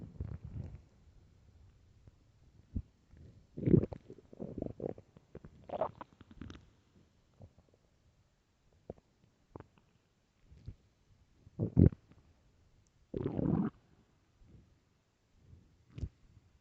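Loud, low gurgling rumbles come in separate bursts over quiet gaps: stomach growling from an empty stomach, a normal finding.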